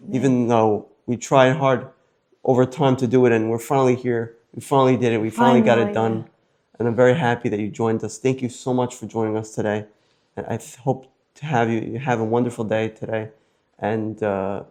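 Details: Adult male speaker; typical speech.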